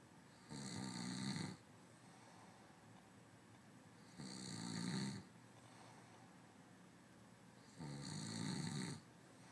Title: snoring sleeping guy